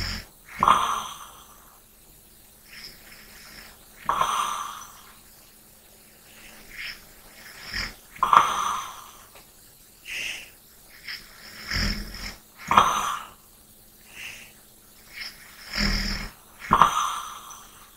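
Irregular snorting breaths, some rough and some light, roughly fifteen a minute. Snoring mixed with lighter breathing during sleep.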